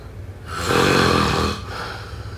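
One loud, rumbling, vibrating snore on a single breath during sleep.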